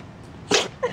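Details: Sneezing from a Cavapoo puppy during a sneezing fit: a single sharp, hissing sneeze followed by a faint short squeak.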